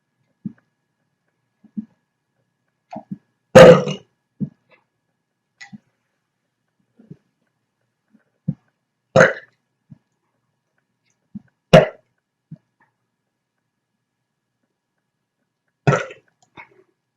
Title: Rapid hiccups and burps